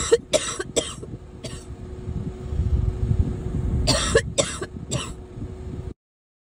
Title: Girl Coughing 360